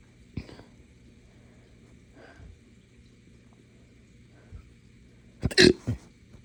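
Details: Person with hiccups mixed with burps after drinking morning coffee too fast on an empty stomach; a few short sharp hiccup catches, then a louder burst of burp-like hiccups.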